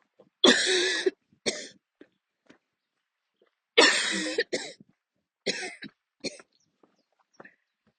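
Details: Two harsh, forceful coughing bouts trailing into shorter coughs and gasps, about eight coughs, during a coughing attack while continuing to walk outdoors.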